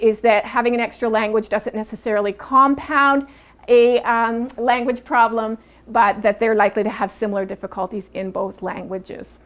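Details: Adult woman speaking; ordinary speech.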